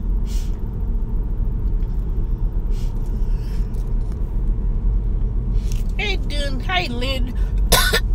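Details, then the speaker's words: Person coughing while also sneezing: a few short coughs and throat-clearing sounds over steady low rumbling background noise, ending in a brief burst of voice. "Why I got cough first? I'm sneezing. Now I'm coughing."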